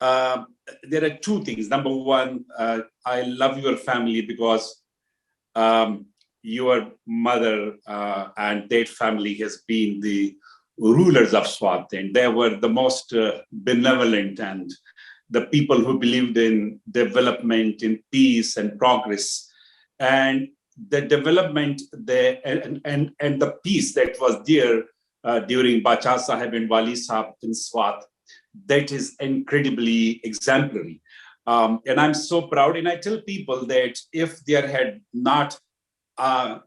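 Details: Adult man with stuttering since childhood; severity varies from day to day.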